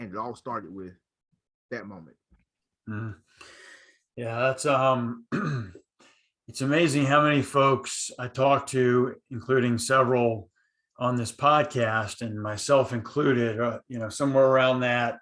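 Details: Adult man who stutters, speaking in a conversation between two people who stutter; he recalls hiding his stutter with silent blocks in his school years; stuttering.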